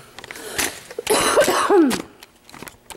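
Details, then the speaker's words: Sudden cough after smelling something that bothered the person, possibly from a box. "let's listen to me coughing it was like I smelted something that bothered me"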